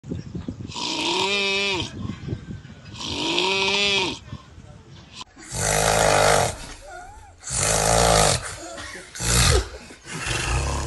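Loud, repeated rattling snorts about every two seconds, the first two with a groaning, tonal quality; snoring.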